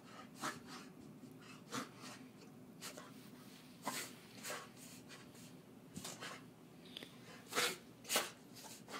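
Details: A dog makes repeated short, harsh snorting breaths in a reverse sneezing fit.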